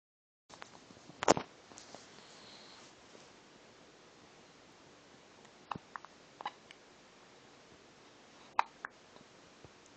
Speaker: Got the hiccups, huh?